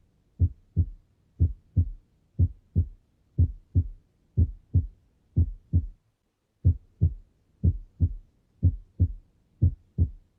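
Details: Normal heart sounds demonstrated for clinical ear training, covering S1, S2, S3 and S4. Regular, clean lub-dub at about 60 beats a minute with no added noise between beats.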